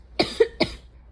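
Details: Two short, loose coughs in quick succession in a quiet room from an adult on day 1 of a cold with fever, nose blowing and sneezes.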